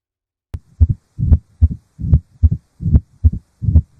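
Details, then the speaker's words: Heart auscultation example of mitral stenosis: low, rumbling heartbeat about 74 per minute with a sharp first sound and a low murmur between beats. "اما بقى لو حصل ضيق في الصمام التاجي فهو ده الصوت اللي"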